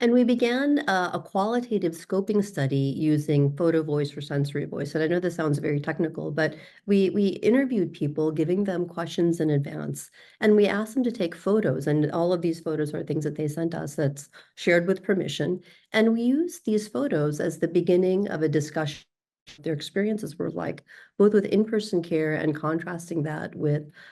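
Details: Adult female speaker; ordinary speech.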